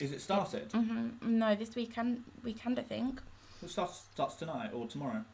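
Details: Adult speaker; Normal conversational speech.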